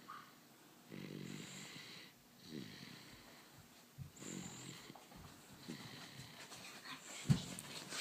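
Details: Soft, short snuffling snores from a small dog named Jason during an afternoon nap, about one every one to two seconds.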